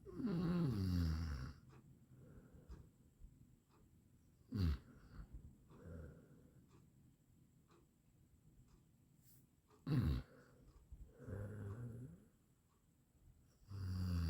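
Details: Low rattling snores every few seconds with quieter breaths in between and some background noise; from an 8-minute snoring sound-effect recording.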